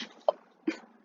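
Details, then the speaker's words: Two quick, sharp sneezes from Dobby, a pet cat, in a quiet room. "you doggy if any you guys heard that noise I was Dobby sneezing"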